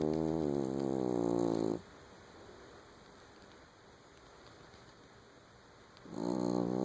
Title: Bugsy snoring